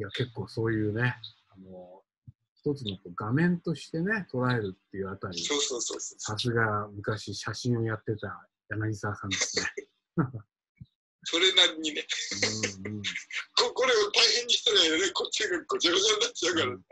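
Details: Man with aphasia for several years, now recovering, speaking in an online group session; aphasia.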